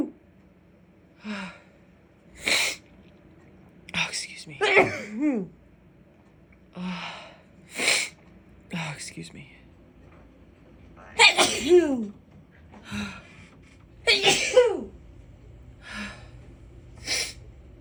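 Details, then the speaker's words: A woman's repeated sneezing, harsher than her usual sneezes; she suspects a grass pollen allergy. Several separate sneezes, some preceded by a quick inhaled gasp, with quiet pauses between. "Oh God, my nose tickles so much. Oh God, so these are like way harsher than my normal sneezes."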